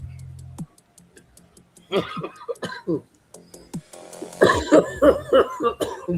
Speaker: Damn. I I laughed so hard it made me cough.